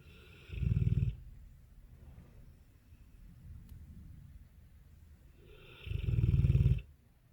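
Two loud, low rattling snores about five seconds apart, with quiet breathing between; ordinary snoring in a sleeping dog.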